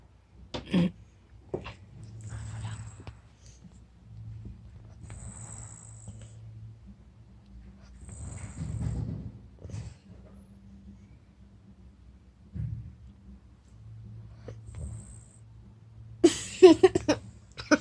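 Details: Soft "whisper" snoring from Lola, a sleeping dog: low rumbling breaths repeating irregularly, some with faint whistling, with brief background voices.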